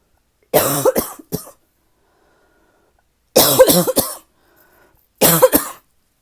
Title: #9 - this cough is so tickly now!